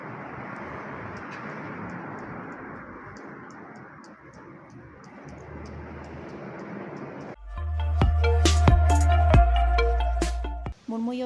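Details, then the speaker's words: Normal vesicular breath sounds heard through a stethoscope: soft, steady rustling, best heard during inspiration, followed by music. "Es el sonido pulmonar normal. Suena suave y se escucha mejor durante la inspiración. Indica que el aire está entrando de forma adecuada a los pulmones."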